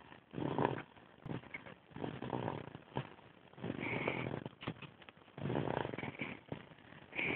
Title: Snoring Summer